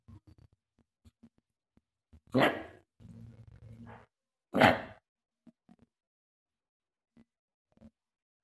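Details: Dog with dry, hacking cough from a narrowed trachea; two loud, harsh honking coughs: goose-honk cough of tracheal collapse.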